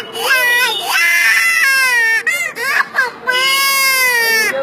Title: Various sound of crying baby